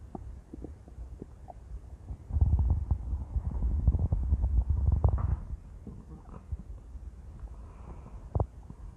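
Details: Intense stomach growling from a woman: long, loud, low gurgling and rumbling with bubbling pops, active normal bowel sounds.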